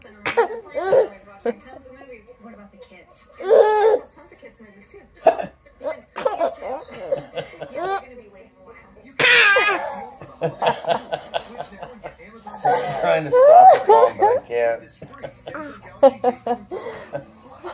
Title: Baby boy has hiccups and gets the giggles when papa fake hiccups